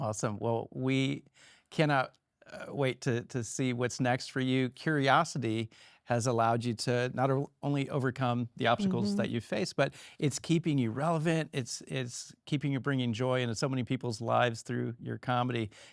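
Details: Adult male talk-show host; Normal speech.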